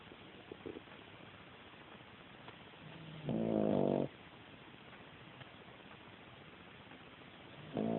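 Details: Female cat asleep: quiet breathing broken by a loud, buzzing, rattling snore lasting under a second, with another starting at the end.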